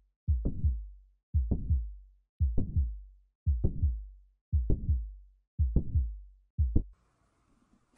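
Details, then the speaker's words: Mitral valve prolapse in a heart-murmur lecture: regular heartbeat near 57 a minute with a sharp mid-systolic click as the valve leaflets bow back, followed by a rising (crescendo) late systolic murmur. "فحين سمع صوت عندنا المرمر اللي يشوفوا هذا المرمر يصير من نوع التصاعدي اللي هو الكريشندو فيسمى هذه الحاله يسمى المرمر لكرش سستك مد سستك كليك"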